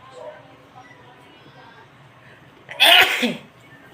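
A single sharp, explosive sneeze after a short quiet stretch; an ordinary sneeze.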